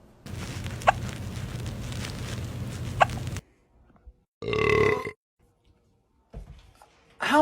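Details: Cat hiccups after eating too fast: two short, sharp clicks about two seconds apart over background noise, then a brief voiced sound.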